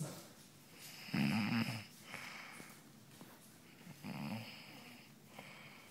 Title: Loudest snore ever